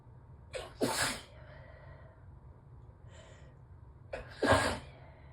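Two sneezes, each with a quick indrawn gasp and then a forceful burst, muffled as if into a tissue; allergy sneezing.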